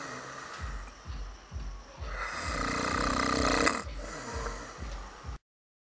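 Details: Loud, rough, rattling snores with low rhythmic pulses and a long harsh middle stretch, faint background music; extreme heavy snoring.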